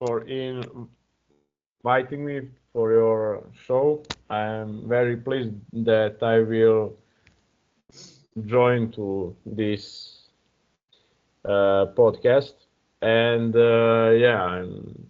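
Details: Adult man who stutters, with blocks, throat pressure and getting stuck on the 'M' sound; stuttering.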